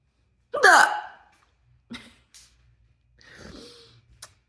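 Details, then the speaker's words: Closed-mouth hiccups about eight minutes into a roughly 10-minute spell, in a seated person: sharp hiccups with short voiced catches and faint breaths between. "I like the I like the way a closed mouth hiccup sounds actually I do enjoy that"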